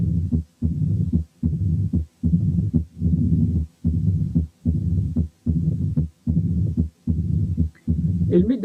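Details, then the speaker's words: Mid-diastolic rumbling murmur at the apex, always low-pitched, in a patient with mild sinus tachycardia; low rumbling diastolic murmur with a mildly fast, regular heartbeat. "لاحظوا ان الميد دايستوليك مامر دائما of low pitch، وعشان كده بيسموها رامبلينج، يعني كده درر."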